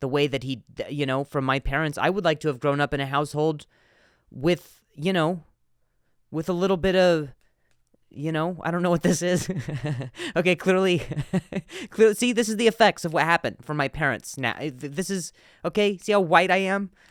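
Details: Adult male comedian who stutters, with word repetitions: stuttering.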